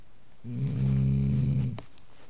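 One long, low, droning snore lasting over a second, ending in a short huff. Snoring.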